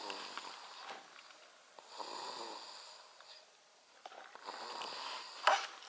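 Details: Newborn snoring while sleeping in a bouncer under a blanket: soft, rhythmic snoring breaths with faint room noise.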